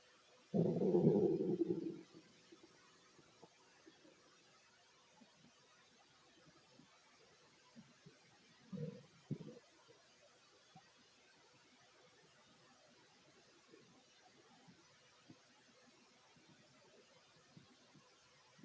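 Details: Fit adult male's stomach while eating a sandwich: a low gurgling rumble, then a few brief gurgles over quiet background; normal bowel sounds of digestion.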